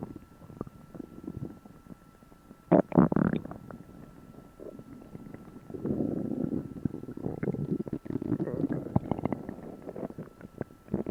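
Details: Stomach after eating a meal for the first time in a while, with loud gurgling and rumbling and bubbling bursts from the belly; borborygmi.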